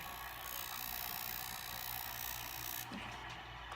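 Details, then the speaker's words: During a classic facial, a glass high-frequency electrode glides over gauze on the face for antibacterial spot treatment: a sharp, steady electrical buzz like a bug zapper that stops near the end; painless. "so now I'm gonna do what's called her frequency like I told you okay it sounds a little like a bug zapper but it doesn't hurt I promise"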